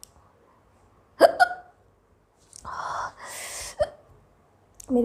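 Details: Woman's hiccups during a 10-minute hiccups and sneezing challenge in which black pepper is mentioned: sharp, abrupt voiced hiccups, about three within five seconds, with breathy exhales between; ordinary hiccups.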